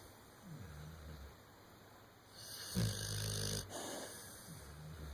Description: Vader's brother Sampson soothing snoring sounds.